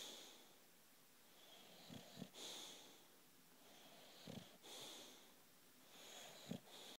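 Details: Sleeping female British bulldog snoring: slow, rhythmic snoring with a whistling, snorting note on each breath, roughly 28 breaths a minute.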